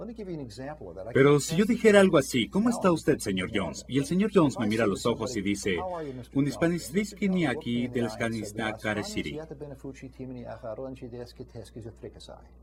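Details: Fluent aphasia imitated by a clinician, in the style of the Three Stooges "pirate language," as a demonstration contrasted with non-fluent aphasia; not a real patient.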